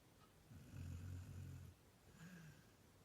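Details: A sleeping female retriever-mix dog, about seven years old (born 2011, recorded circa 2018), gives a soft, low rumbling snore and then a fainter one in a quiet room.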